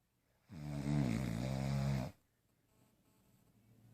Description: Came in to loud roaring. .. lol!